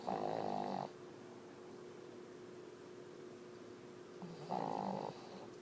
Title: Boston Lucy Snoring